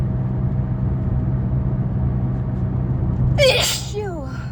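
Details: Explosive sneeze while driving, over steady car rumble, with a falling vocal tail; sneezing during a cold with heavy nasal discharge.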